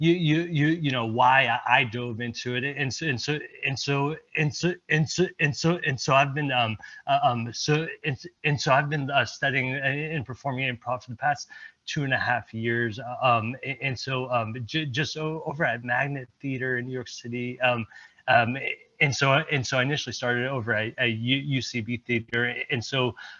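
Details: Male presenter who stutters and mentions his blocks and repetitions; word and phrase repetitions heard here. Finding: stuttering.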